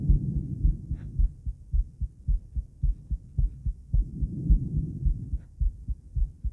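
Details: Adult female heart before exercise: regular deep paired thumps at about 109 a minute with low rumbling background; fast but normal heart sounds.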